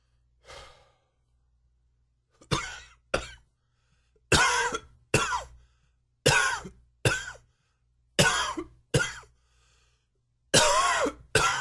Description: New coughing fit. Comment, like share and enjoy!!